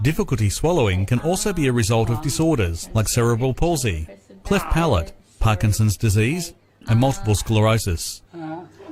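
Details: Adult male narrator; normal speech.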